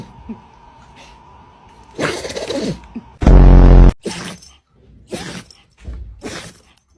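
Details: A dog sneezes about five short, sharp nasal bursts in quick succession, one loud and distorted, over a quiet room hum; sneezing.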